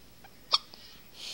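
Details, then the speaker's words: Newborn baby girl with repeated hiccups in the morning: hiccups. "baby girl you got the hiccups hmm yeah I know those dreadful hiccups just dreadful dreadful hiccups"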